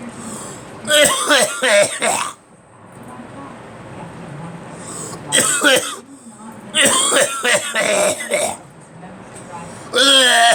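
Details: Several short harsh coughs and throat clearing in clusters over a radio announcer talking in the background.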